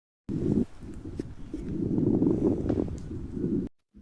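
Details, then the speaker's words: Lung auscultation of a smoker: rough, noisy breath sound with scattered crackling pops. "así se escucha el pulmón de un fumador"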